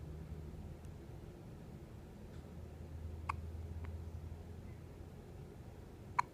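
Two sharp, brief clicking hiccups about three seconds apart over a steady low hum.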